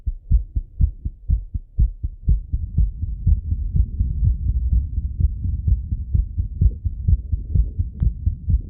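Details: Normal, fast, thumping heartbeat of a male, heard through his own stethoscope right after coming home from a run.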